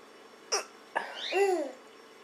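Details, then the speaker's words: Mother with hiccups: two short, abrupt hiccup sounds, followed by brief giggling from her young child in a quiet room. "hi mommy has hiccups and thinks it's the funniest thing to listen to Mommy's hiccups"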